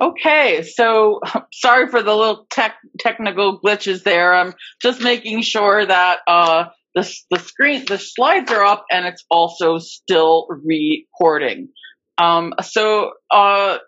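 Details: Adult woman, a covert stutterer for more than 30-35 years, with repetitions of words and parts of words; stuttering.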